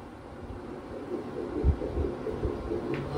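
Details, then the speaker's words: Fetal heartbeat heard on ultrasound during a pregnancy checkup: muffled, fast, rhythmic low thumps from the speaker under room noise. All found normal; doctor advised no weight lifting and prescribed medicine. Normal fetal heartbeat. "तो जीशान भाई सब अलहमदुल्ला normal है, सब अच्छा है, fit and fine है।"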